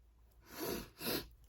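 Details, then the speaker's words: Adult woman who is ill with a bothersome nose, sneezing. "I hate being ill. My nose is getting on my nerves."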